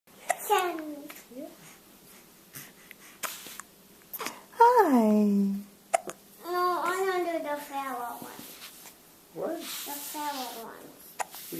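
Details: Infant with hiccups: repeated short, sharp voiced catches mixed with babbling and whimpering sounds; hiccups.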